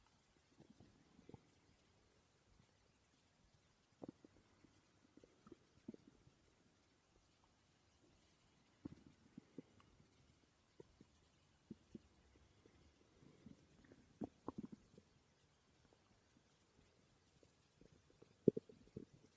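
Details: Stomach growling recorded during sleep: quiet, scattered gurgles and brief squelching pops over near-silence; ordinary borborygmi, normal gut sounds.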